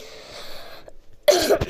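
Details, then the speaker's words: Person who says they are ill and apologises in advance for coughing; cough. "Я буду кашлять. Я болею, так что простите меня."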